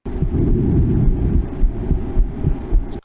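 Simulated normal heart sounds, regular low thumps at roughly 105 a minute over a low hum.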